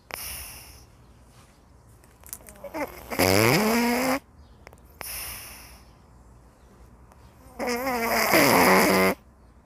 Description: It is the snoring sound of Ilsoon, a cat enjoying a leisurely nap.